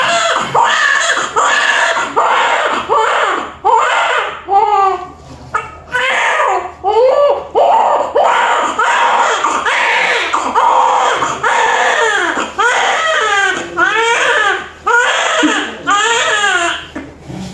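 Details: Loud, strong, rhythmic crying with repeated wailing bursts and brief breaths between them from a newborn just after a normal vaginal delivery; newborn cry.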